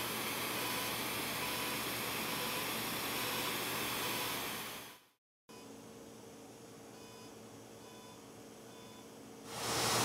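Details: UltraPulse fractional CO2 laser skin resurfacing of an adult patient's face for fine lines and wrinkles, after dental-block numbing. Steady loud hissing of a smoke evacuator, a brief cutoff, then a quieter hum with faint tones.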